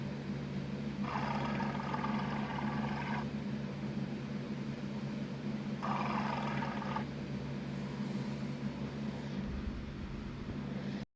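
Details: Cat with stomach growling (borborygmi): two gurgling stomach rumbles over a steady low purr-like hum.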